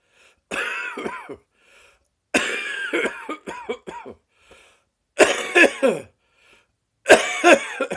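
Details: Persistent morning cough still present after six weeks: four bouts of repeated harsh coughing in quick clusters.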